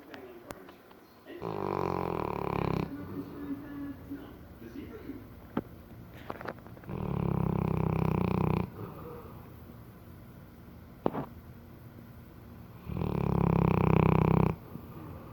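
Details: Loud, low rattling snores from a sleeping English Mastiff, three long noisy breaths separated by quiet exhalations.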